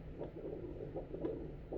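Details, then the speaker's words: Adult's own heartbeat through a mini battery-powered home fetal Doppler placed on the chest: soft, regular whooshing pulses. Reported heart rate is 83 beats a minute. "能听啊。那此时此刻我的心跳是83下每分钟，80几"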